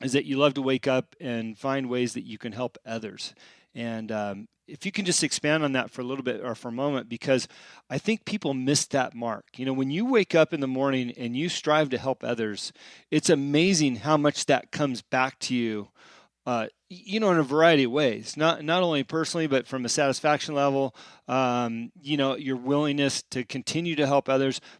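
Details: Adult man speaking; typical speech.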